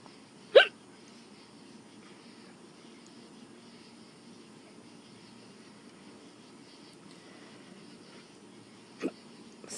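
Two abrupt, brief hiccup sounds about eight seconds apart against a quiet background.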